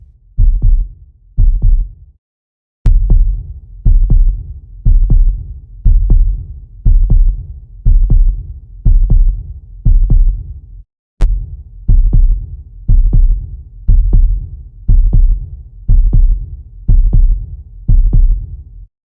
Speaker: Here, you can observe the mechanism of the cardiac cycle for yourself, and you can also hear the lub-dub sounds, which are produced by the opening and closing of the heart valves.